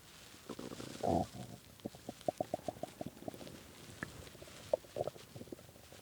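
Bubbling, gurgling rumbles with a run of quick pops, typical loud stomach growling from hunger.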